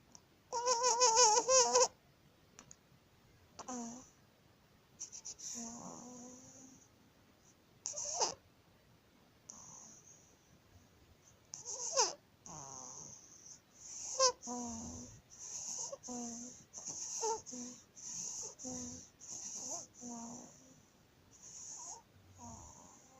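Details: 19-day-old baby with laryngomalacia makes repeated high-pitched crowing noises on breathing in; inspiratory stridor.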